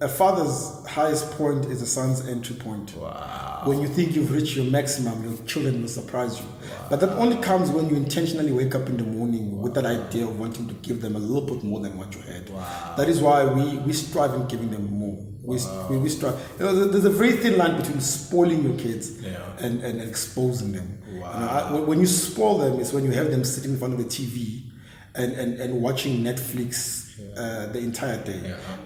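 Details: Stuttering in an adult man with word repetitions heard; he says he stammers and speaks very fast, sometimes missing words; stuttering.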